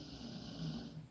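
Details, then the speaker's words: Daughter crashed out asleep during a podcast recording, snoring hard: low, rattling snore with a steady throaty buzz through each breath. "you hear my daughter over there snoring look I'mma show you the snoring the behind the scene people y'all can see her look she's crashed out"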